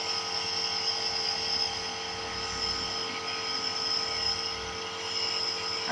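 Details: Nebulizer inhalation treatment for a cough: steady, high-pitched motor whine and hiss of the nebulizer compressor running.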